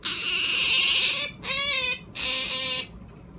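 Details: Sleeping small-clawed otter: three high, thin squeaky calls while asleep, a harmless sleep vocalization (sleep talking).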